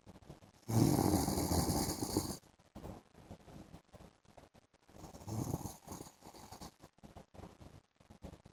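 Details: Adult man (husband) snoring during an afternoon sleep: one loud rattling snore, then softer snoring and noisy breathing; heavy snoring.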